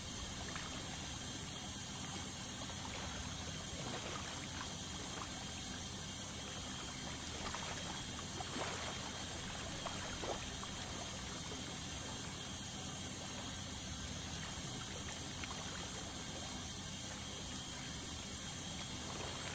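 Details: Continuous hiss and trickle of water spray with a faint high whine and occasional scraping from an ultrasonic scaler removing tartar during a dental scaling cleaning.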